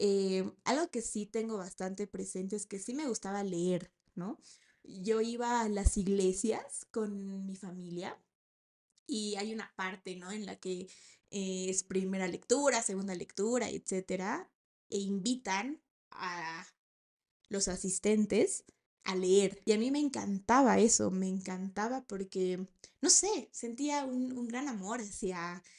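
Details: 28-year-old woman, a speech-language therapist, who has stuttered since age 4 and still stutters, speaking Spanish; stuttering.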